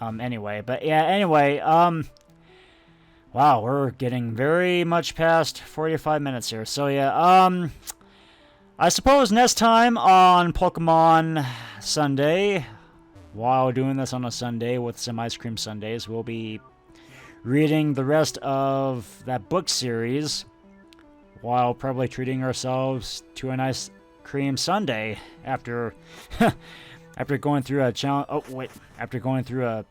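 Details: Stuttering in an adult man who says he tries to control his stutter while recording and only realized he had it a couple of years earlier.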